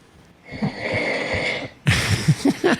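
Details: Adult man's loud rough snoring recorded by a roommate at night without his CPAP: a long rattling inhalation, a brief pause, then a burst of harsh, fluttering snorts.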